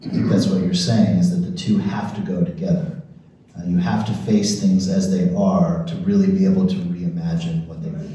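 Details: Adult man; normal speech.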